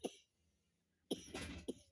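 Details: Three short cough bursts, one drawn out, from a child in a quiet room; cough.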